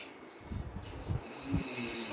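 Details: Low rumbling, rattling snoring from an adult man (the husband) who has just lain down to sleep, recurring through a short stretch of breathing with faint room noise; snoring.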